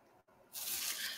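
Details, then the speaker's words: Adult with sinus pressure from a quick temperature drop (80 to 68 degrees), having repeated sneezes: a sudden loud, hissing burst of air breaking a quiet moment, a single sneeze. "it's just when my sinuses have the pressure drop I will get a few sneezes here and a few sneezes the"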